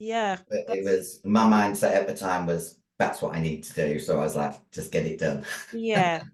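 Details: Female bodybuilder with androgen-induced voice deepening (virilization) after taking large doses of male steroids (performance-enhancing drugs). Her voice was formerly high-pitched and is now very deep, and she can no longer sing.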